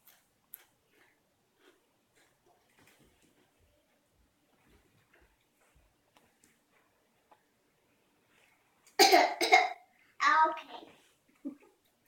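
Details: Two young girls coughing: a quiet room, then a short cluster of about three loose coughs and a further small cough.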